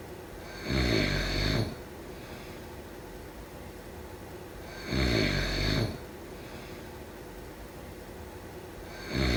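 A sleeping adult gives three rattling snores, about fourteen a minute, with quiet room noise between them.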